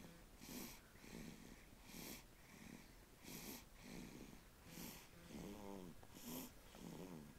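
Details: Rhythmic snoring from a sleeping dog, about 40 breaths a minute, with rattling, whistling tones on some breaths.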